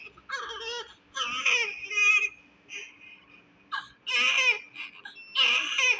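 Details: Premature, low-birth-weight (1.8 kg) newborn: repeated short, high-pitched cries with brief gaps and a faint steady background hum; newborn crying.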